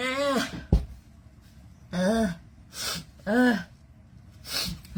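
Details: Several sneezes in a row, each with a voiced gasping intake and sharp burst, set off by a COVID-19 nasal swab test; induced sneezing.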